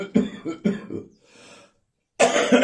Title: Christmas morning bronchitis cough.